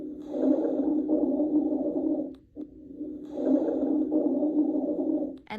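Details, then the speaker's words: Teaching example of rhonchi: two long, low-pitched, deep snoring-like continuous rumbles with each breath, separated by a brief pause; rhonchi often clear with coughing. "ronai think of a rhino they make low pitched deep sounds this one is continuous too but often clears with coughing"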